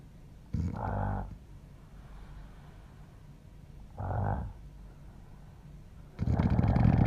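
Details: A man snoring at night while asleep, recorded by his wife; loud, unusual snoring.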